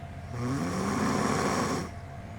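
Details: One rough, rattling snore lasting about 1.5 seconds from a sleeping adult woman who denies that she snores, heard against quiet room noise: snoring.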